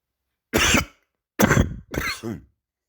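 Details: Three coughs with a loose, rattling quality, a cough with catarrh and phlegm; wet (productive) cough.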